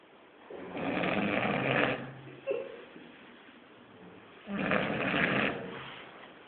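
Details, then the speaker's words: Man snorting like a pig in his sleep: two long, rough, rattling snores a few seconds apart with a short snort between them; loud snoring. "Itulah penampakan babi lagi ngorok."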